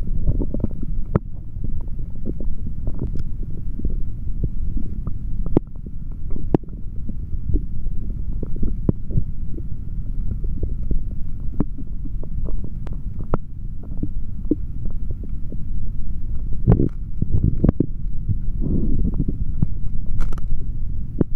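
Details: Adult male drinking chocolate protein shake, stethoscope on abdomen: frequent low gurgles and rumbles, active bowel sounds during digestion.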